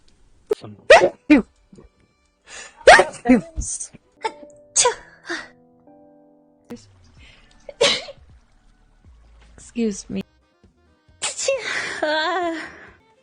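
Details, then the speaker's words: Several short sharp sneezes from different voices in quick succession, one speaker reporting allergies, faint music behind and a longer voiced burst at the end; sneeze. "uh excuse me excuse me oh god my nose i have allergies"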